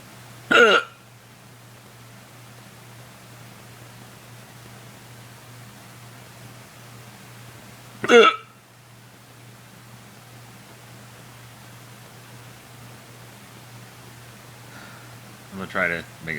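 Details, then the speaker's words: Loud, involuntary hiccups, which they say hurt: three sharp, abrupt hiccups several seconds apart, about eight a minute, with quiet room hum between them. "this is me hiccuping. I I can't control it. Okay, it happens."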